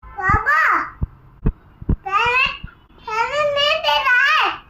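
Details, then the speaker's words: Young child with hiccups, babbling between several short, sharp, abrupt catches in the breath; hiccups. "है ego? हकी आ रहा है। क्या आ रहा है? हकी आ रहा है।"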